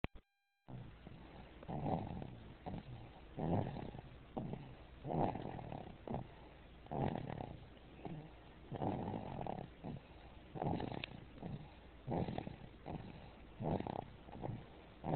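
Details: Sleeping baby snoring: soft, irregular, rough snorting breaths, about 35 a minute, over steady background hiss; snoring.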